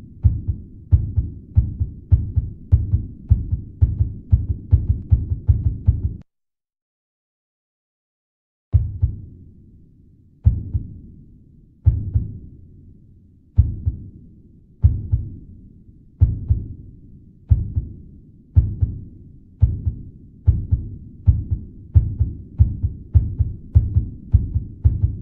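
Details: Simulated heartbeat sound effect that is fast at first, then after a pause starts slow and steadily speeds up: accelerating heartbeat.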